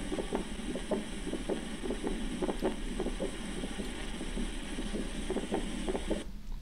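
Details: Pulmonary ejection click played as an example in a cardiac auscultation teaching recording for medical students.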